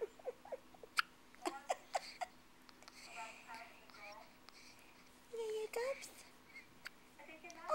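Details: Newborn girl less than a day old with her first hiccups; soft, quick, irregular mouse-like hiccup clicks, followed by quieter coos.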